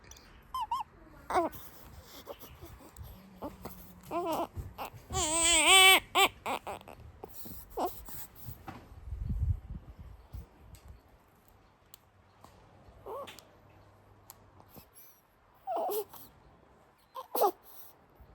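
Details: Sleepy newborn baby girl making scattered soft squeaks, grunts and brief whimpering cries with quiet gaps between; ordinary newborn vocalizations.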